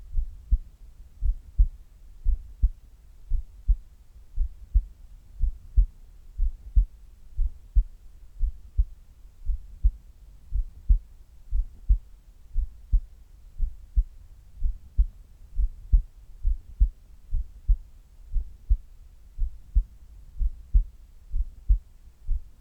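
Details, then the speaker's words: Resting heart sounds recorded before abdominal exercise: steady low lub-dub heartbeats at a calm rate, normal rhythm, no extra sounds; normal heart sounds. "まずは平常時の心音をお聞きください。"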